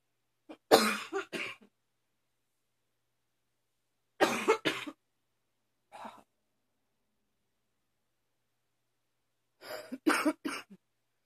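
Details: Four separate bursts of harsh coughing, a few coughs each, spaced seconds apart in a quiet room, from a person with increasingly frequent allergies; recurrent cough.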